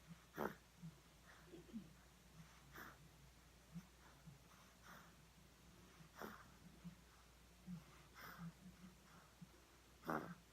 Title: Snoring Sminkling